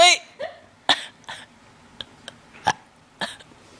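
Several short throaty bursts and clicks in a quiet room, consistent with repeated throat clearing.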